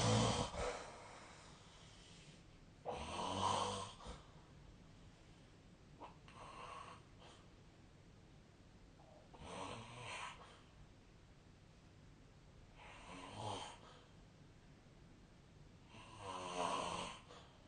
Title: 🐽 本日のイビキ / Snoring Sleep Sound 2025/03/21